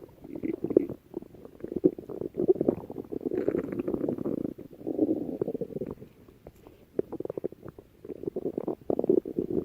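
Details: A person's stomach growling: low, rolling gurgles and rumbles in irregular waves with brief pauses; borborygmi.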